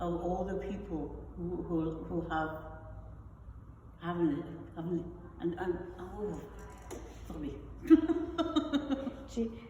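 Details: Non-fluent aphasia after a stroke in an adult woman; non-fluent aphasia.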